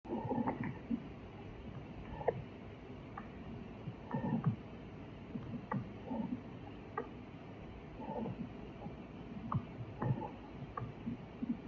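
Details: Sleeping bird snoring: faint, soft squeaky clicks recurring at a fairly steady pace against a quiet room hum.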